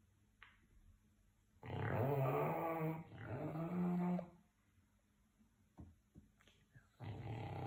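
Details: Dog snoring: two low, droning snore breaths with a faint growl-like rumble in a quiet room, then a third snore starting.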